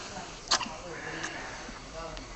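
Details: Six-day-old baby girl hiccuping, as she does after every feed: two brief, sharp newborn hiccups over soft room noise.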